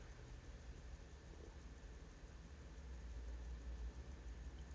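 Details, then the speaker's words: Microsuction with a WAXscope: steady low rushing and hissing of the suction tip removing extremely dry, hardened, impacted ear wax and dead skin near the anterior recess of the ear canal. "Now, I could have resorted for the to the forets to remove this, but by the time I swapped over, this is going to come away with the suction tip anyway."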